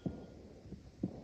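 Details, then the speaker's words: Acute aortic regurgitation in a CCU patient: low heart thumps with a soft, continuous whooshing diastolic murmur between them. "so yeah this is this is a diastolic murmur so um let's actually talk about this murmur is going on here so this is really the murmur of aortic regurgitation"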